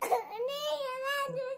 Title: my cute adament baby crying ❤️❤️❤️